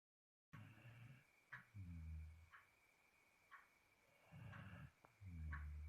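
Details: Sleeping dog: low, rumbling snores with faint sniffs and clicks in between, quiet background; snoring.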